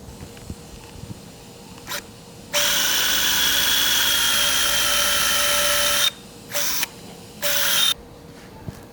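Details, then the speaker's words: Five-year-old female Labrador with developmental elbow disease (elbow dysplasia) and severe arthritis, elbow surgery: high-pitched power drill runs about 3.5 seconds, then two short bursts, drilling side-by-side guide holes in the humerus for an implant. "I'm putting a guide in position to drill some holes so I can put a piece of metal in the humerus. These pins act as exactly perpendicular guides down which we will put the new implant by drilling holes exactly parallel to the pins."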